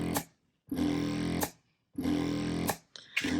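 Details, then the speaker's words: Spectra electric breast pump in expression phase at default cycle speed 50, vacuum level 7 of a possible 12, described as the highest suction used. A loud, steady motor hum comes in long bursts with pauses, about 48 cycles a minute. "So this suction is like the highest. And as you can see, you can hear how loud it is too."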